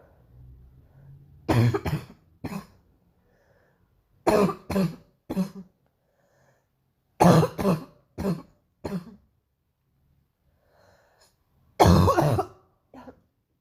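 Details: Five clusters of two to three harsh, deep coughs separated by pauses; painful morning coughing bout.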